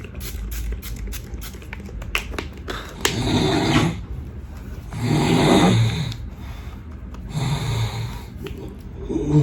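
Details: Adult man (husband) snoring while asleep in the early morning: loud, rough, rattling snores on each in-breath, about three every nine seconds, with room noise; heavy sleep snoring.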